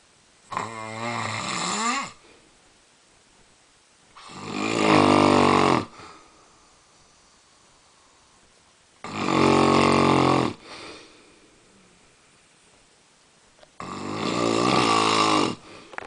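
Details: Adult man snoring, worse than in an earlier recording: four loud, rattling snores, one on each in-breath, with quiet pauses between, about 15 breaths a minute.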